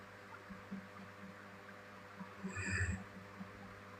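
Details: Sleeping girl: brief, high squeaky grinding over quiet room hum; teeth grinding (bruxism).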